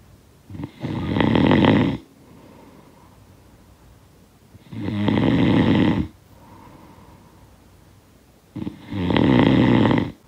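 Steady, coarse fluttering snores with soft exhalations between, roughly 15 breaths a minute. Ordinary snoring.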